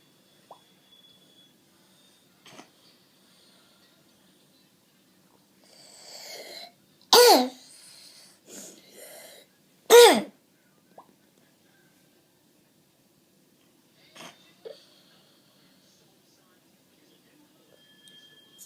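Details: A child gives two loud, harsh, barking coughs with a hoarse, tight tone, typical of croup.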